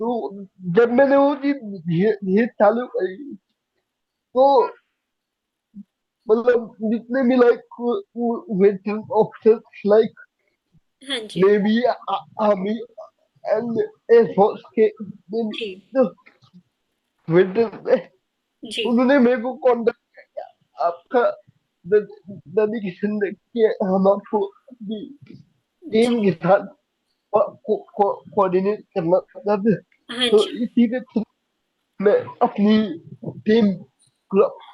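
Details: Young adult man with cerebral palsy since age 2; could not speak as a child and still needs double effort to speak, cannot say things clearly; dysarthria (cerebral palsy).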